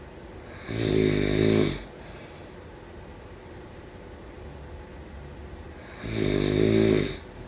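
Two loud, rattling snores on inhalation about five seconds apart, with quiet breathing between; typical sleep snoring.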